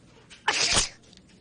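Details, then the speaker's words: Acted sneeze in a lottery commercial: a single sharp, explosive sneeze with a hissing burst of air. "next wait i sneezed it's fine"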